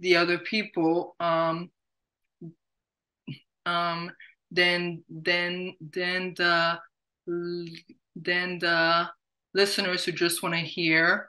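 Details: Adult woman who stutters, with repetitions audible; stuttering.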